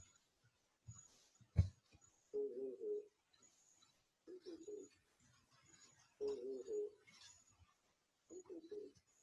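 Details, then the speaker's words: Vocal resonance heard with a stethoscope over the chest: muffled, unintelligible booming low hum without clear words. "e lembrando que essa ressonância vocal ela pode estar aumentada ou pode estar diminuir no caso de uma condensação por exemplo vai estar aumentada no caso de uma atelectasia ela vai estar diminuído"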